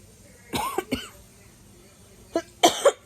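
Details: Adult woman after laparoscopic gallbladder removal, recovering at home: four short dry cough bursts in two pairs, a cough after intubation during surgery.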